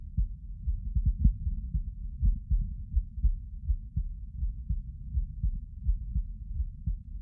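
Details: Heartbeat recorded while lying down: muffled low thump-thump at roughly 80 beats a minute, with some rumbling noise.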